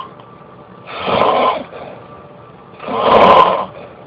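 Two rough, buzzing breaths in a quiet room, repeating every couple of seconds: snoring.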